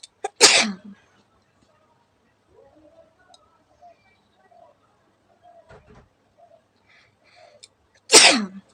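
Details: Two loud, sharp sneezes with quiet murmuring between them, deliberately set off by poking the nose with a stick during a sneezing challenge; ordinary sneezes.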